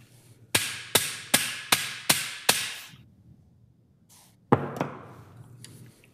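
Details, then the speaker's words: Surgical mallet, six sharp metallic strikes in quick series then two more after a pause, driving a joint finder into the sacroiliac joint after Steinmann pin placement during posterolateral sacroiliac joint fusion with hardware under X-ray guidance. "side and you basically Mallet it in oops where's your X-ray there you go do you have a bigger Hammer there you go"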